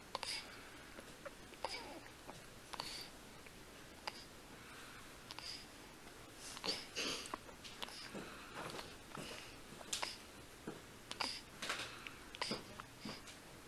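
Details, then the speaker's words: Infant breastfeeding with an asymmetrical latch and flanged lips: repeated short, soft 'k'-like clicks as the baby swallows milk, rather than non-nutritive suckling. Infant swallowing during breastfeeding. "it is important to recognize if the baby is swallowing milk or just suckling at the breast with no milk going to the baby you can listen for swallows especially in the beginning of the feed swallow sound like a k sound"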